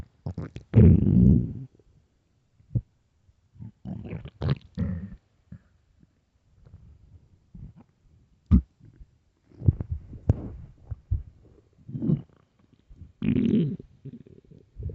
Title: early morning stomach growls (headphones) part 2